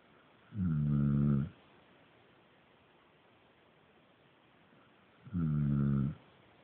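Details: Two loud, low, rattling snores about five seconds apart with quiet breathing between; snoring in sleep by a person who denied sleeping or snoring.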